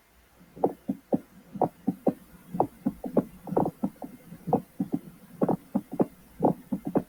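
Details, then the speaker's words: Mediastinal crunch (Hamman's sign): crunchy, rasping crackling bursts synchronous with the heartbeat over the anterior left hemithorax, as the heart strikes air-containing tissue. "el crujido mediastínico es un sonido crujiente y rasposo sincrónico con el latido del corazón sobre el hemitórax izquierdo en la parte anterior cuando el corazón golpea un tejido con aire que en este caso pues sería el"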